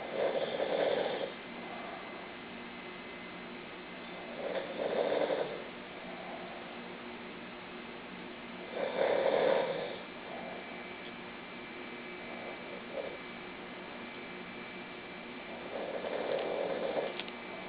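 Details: Snoring: four rough snores about four seconds apart, near 14 breaths a minute, with quiet breathing between them and a steady room hiss.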